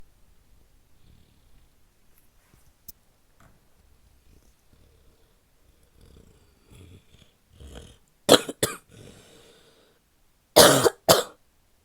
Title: barky wet coughing (f)